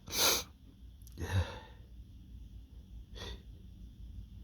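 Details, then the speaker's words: Three sharp, hissing sneeze bursts in quick succession from a male with allergies flaring up in a dusty workplace; allergic sneezing. "uh my allergies are really kicking up today it's at work and it's so dusty"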